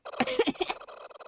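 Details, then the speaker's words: Adult with asthma, triggered by summer air, coughing: a quick run of about three short, harsh cough bursts. "And again, I apologize for my asthma. I know I shouldn't apologize because it's my own it's my own body that can't handle the air, the summer air, but still."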